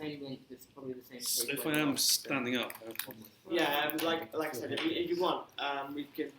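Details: Adult male civil servant who has stammered since early childhood and throughout his career; stuttering (stammering).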